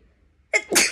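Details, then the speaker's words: Single sharp, explosive sneeze after a brief indrawn breath; woman doing a sneezing challenge, deliberately snorting sneezing powder, feeling strong powder going straight up one nostril, eyes watering. "बहुत सारा powder सीधा एकदम इस वाले नाक से अंदर गया है"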